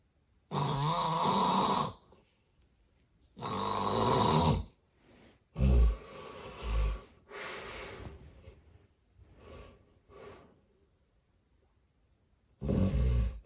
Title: The sound of severe sleep apnea snoring